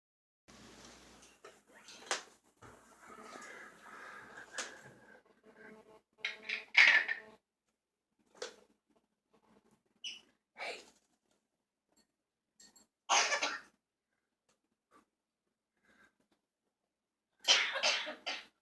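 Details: Child with a cold coughing at bedtime: a few short, harsh coughs, the last a quick run of several, amid quiet room and household noises; cough.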